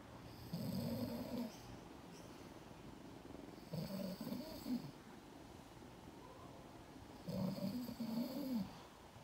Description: Hubby’s soothing snoring puts our 4month old Seal Point Siamese Kitty Cat Fur Baby to bed ❣️